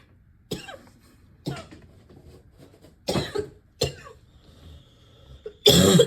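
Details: Worsening barking cough: five harsh, abrupt bursts in six seconds, the last loudest and longest.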